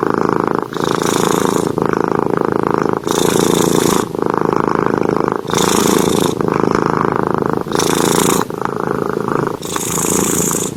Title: Salim Ngorok Keras Bagetttt!!!! | Kucing Gemoy | Kucing Lucu #cat #catlove #kucinglucu #cats